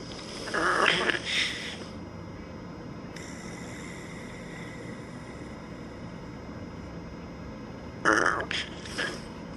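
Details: Person snoring in Manila: two rough, snorting breath noises about seven seconds apart against quiet room hiss; snoring.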